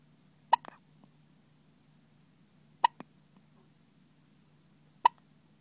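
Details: Three sharp, brief hiccup sounds about two to three seconds apart against a quiet, low room hum; hiccups.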